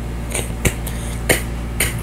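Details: Repetitive finger motor tic in a person with Tourette syndrome who says the finger tics hurt: four sharp, irregular finger clicks over two seconds against low room hum.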